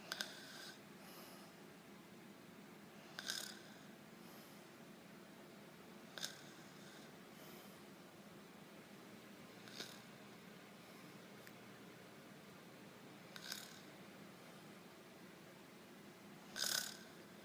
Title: Snoring baby